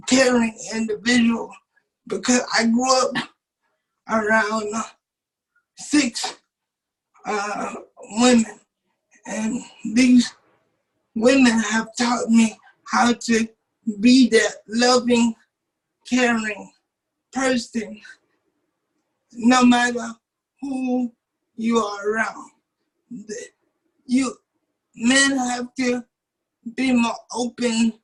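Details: 27-year-old man with cerebral palsy since birth, wheelchair user, whose muscles do not work like others'; doctors had said he would not be able to talk; dysarthria (cerebral palsy).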